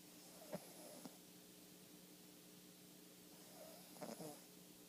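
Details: A chihuahua snoring.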